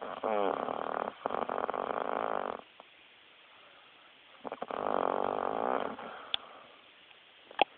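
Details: Chick snoring: two loud, long, vibrating snores separated by a quiet pause, with faint clicks between them.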